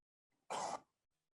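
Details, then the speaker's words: A single short, harsh cough burst standing out against faint steady background hum from an air conditioner, recorded for cough detection research. "So you had some sort of noise, right? But still you can hear one is coughing."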